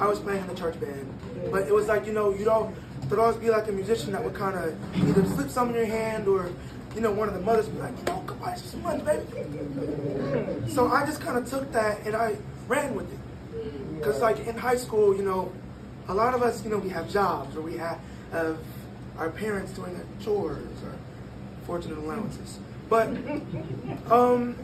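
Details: 22-year-old man born prematurely at about one pound whose vocal cords had to develop as he grew and still don't close all the way; breathy voice from incomplete vocal fold closure.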